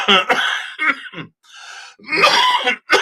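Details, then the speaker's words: Adult about 90–95% recovered after a long illness with heavy coughing: a run of about six harsh, voiced coughs broken by one noisy in-breath. "I'm sorry about my voice you know from the coughing that I have had going on"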